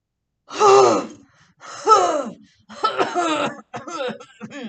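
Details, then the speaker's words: Elderly patient born 1931, coached by a respiratory therapist in airway clearance: deep breath to fill the lungs, slight pause, then several forceful open-mouthed huff coughs with a hoarse, wet edge, ending in short breathy bursts, to bring up secretions. "okay so the key once again nice deep breath you got to fill up the lungs if you're going to try and get any stuff under there and get that stuff out okay nice deep breath slight pause and then really kind of"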